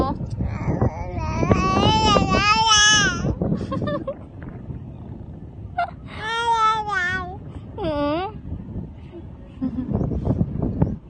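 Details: Baby crying in bursts with rising and falling wails, an adult's soft voice between them, and some room noise.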